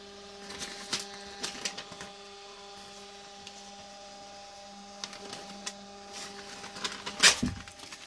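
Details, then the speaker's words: Zoll X Series monitor printing a treatment summary during EMS training: a steady mechanical whir with ticking as the small thermal printer feeds paper, ending with a sharp tear as the strip is torn off; monitor printer printing. "And what I'm going to do is I'm going to click Print Treatment Summary. It's going to give us a little short print off."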